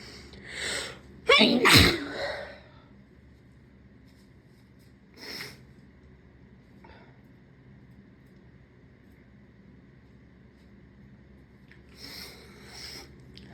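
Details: Sneeze induced by tickling the nose with a rolled-up piece of tissue: a short inward breath, then one loud, explosive sneeze, followed by softer sniffs and breaths in a quiet room.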